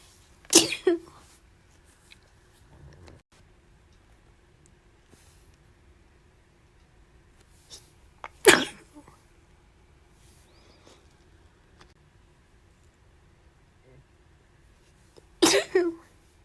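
Three sharp, explosive sneezes spaced several seconds apart in a quiet room.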